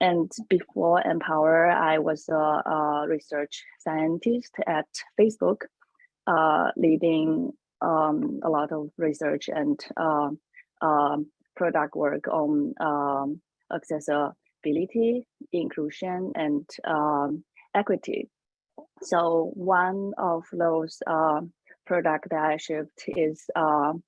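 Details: Woman panelist who says she has a stutter, speaking English: stuttering.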